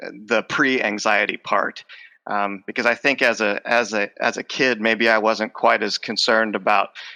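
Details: Adult male speech professor with lifelong stuttering involving blocks, repetitions and covert stuttering; the stutter is emerging during the conversation; finding: stuttering.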